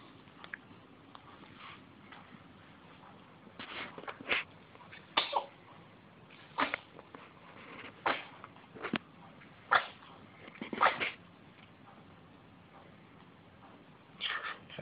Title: Cuteness and sneezing